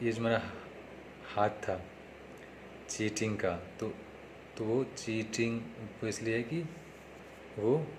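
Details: Man who stammers, speaking Hindi, on day 3 of his own speech therapy practice; stuttering.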